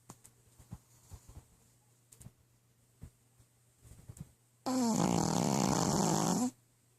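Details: A pug sleeping and snoring, with steady snoring sounds during sleep.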